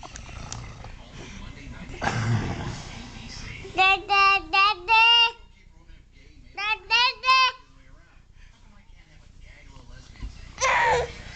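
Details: Infant crying, reportedly upset by father's snoring: two bursts of short, high-pitched wails with quiet room noise between them.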